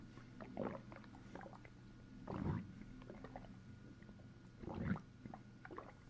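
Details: Bowel sounds brought out by pressing a fist down on the stomach after a long log: low, irregular gurgles and bubbling squelches in a few louder bursts over quiet background; borborygmi.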